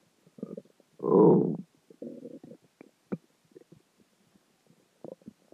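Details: Gurgling, rumbling stomach growls with a loud central rumble from a combination of dinner, water, and gas moving through the gut; borborygmi.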